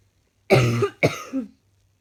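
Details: Person who is feeling unwell with an ongoing cough: two loud, harsh coughs in quick succession, the second trailing off with a voiced tail.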